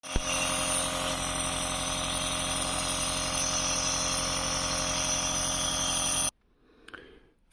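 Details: Nebulizer compressor delivering Berodual plus Pulmicort with saline for cough and runny nose: steady buzzing motor hum with a fast, regular pulse, then switching off.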